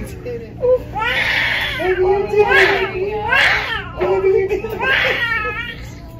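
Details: Newborn boy, 8 lb 15 oz, at delivery after labor following membrane sweeping: loud, strong bursts of crying just after birth with soft background music; a vigorous, normal first cry.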